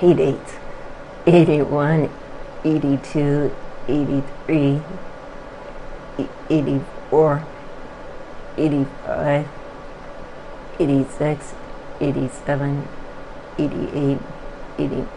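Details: Adductor spasmodic dysphonia, a focal laryngeal dystonia, diagnosed around 2003 or 2004; patient counting aloud during voice recording and video stroboscopic laryngoscopy.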